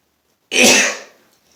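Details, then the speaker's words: Man with allergies, sneezing all day with headache: one loud, explosive, hissing sneeze fading over about half a second, part of an ongoing sneezing fit; sneeze. "this is very weird sneezing into the camera it's kind of bizarre I don't know not sure"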